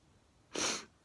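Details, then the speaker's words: Adult who sneezes daily, late at night before bed, saying they want to sneeze: a single sharp, hissing sneeze burst about a third of a second long in a quiet room; sneeze. "oh i wanna sneeze am i gonna sneeze"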